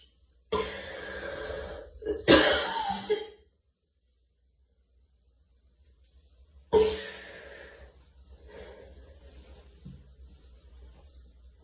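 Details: A girl's coughing bout: a drawn-out throaty cough, a sharper burst, then after a pause another cough fading into breathy sounds.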